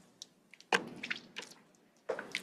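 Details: A few short, wet, noisy throat bursts from an adult woman coughing into a cup live on air: a productive cough bringing up phlegm.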